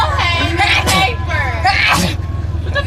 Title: Epic sneeze attack ( look in the description)